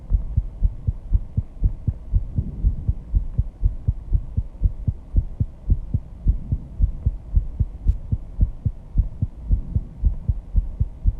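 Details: Heartbeat after intense exercise with heavy breathing, pounding loud and fast at 134 bpm, audible at first even without the microphone; sinus tachycardia after exercise.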